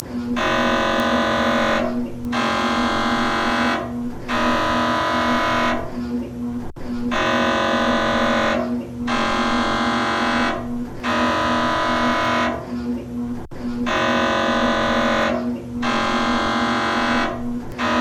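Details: Sound-effect recording of a medical MRI scanner: loud droning buzz in repeated blocks about two seconds long separated by short pauses.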